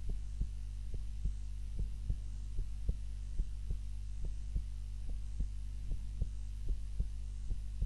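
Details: Own heart sounds recorded on a timer while napping, lying on the back (supine) rather than the usual face-down position: steady low thumps about 70 a minute under a constant hum; normal heartbeat during sleep.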